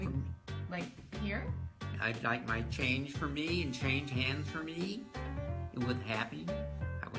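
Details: Wernicke's (receptive) aphasia in a real patient, shown as an example of fluent speech with little or no meaning.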